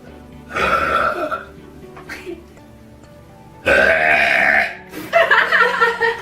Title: Burping Girls Compilation Burp Girl Short 2 #twitch #burp #streamer